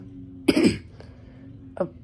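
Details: Sick person with a runny nose and repeated sneezing: a single short cough or throat clear, followed by a brief, weaker second one.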